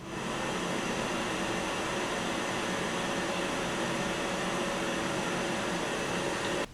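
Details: CPAP machine running with humidifier and hose attached, no mask, in a noise test: steady, even fan-like whoosh of airflow, no breathing sounds.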